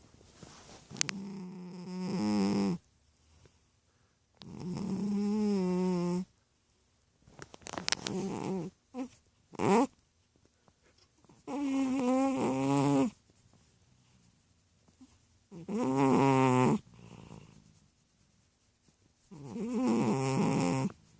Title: Chubby Cat Snoring Pt. 2